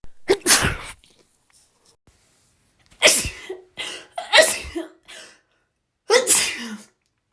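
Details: Three sharp, explosive sneezes, each with a brief in-breath before it and separated by pauses, from a compilation of one person's rapid sneezing.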